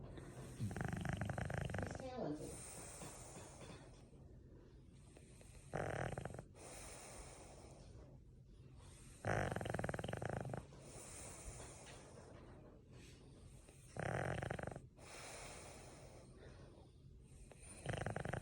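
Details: A sleeping French bulldog, ball still in his mouth after hard play, gives loud, harsh snoring bursts on breaths in about every four seconds; noisy upper-airway snoring.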